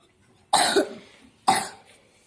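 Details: Young daughter with a heavy cough and lots of phlegm, being treated with a home honey remedy: two separate short, loose coughs about a second apart in a quiet room.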